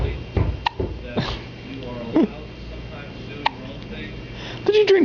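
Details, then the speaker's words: Hiccups from someone who often gets them, multiple times every day. "You do, don't you? You get the hiccups a lot, huh? Lot of hiccups. Multiple times every day. That seems so annoying."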